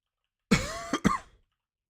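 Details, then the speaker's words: Adult sick early last week, still coughing up phlegm for a week and a half: brief, harsh, throaty cough, a lingering post-infectious cough. "Yeah, I'm not sick anymore. I was sick early last week, but I have been just still coughing up stuff for a week and a half, which is better than being sick, but not by much."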